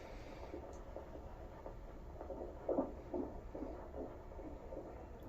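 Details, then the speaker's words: Rapid whooshing fetal heartbeat, roughly 145 a minute, on a fetal Doppler during a prenatal visit in the fifth pregnancy, partly masked by probe noise as the baby sits low and moves away. "today we're gonna go hear the baby's heartbeat and ask a few important questions on what is going on today"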